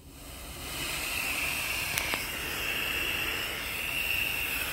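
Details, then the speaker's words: Steady loud hiss with a brief click as oxygen, run at 15–30 L/min, escapes from the opening of a Boussignac CPAP valve; a tighter mask seal raises positive pressure: CPAP valve gas flow hiss. "طبعا من الاوتو راح يجي يدخل من هنا يطلع من هنا الهواء بالضبط من هنا هذا المكان، تسمعون، وكل ما يسد الاحكام على المريض كل ما زاد البوزيتيف بريشر."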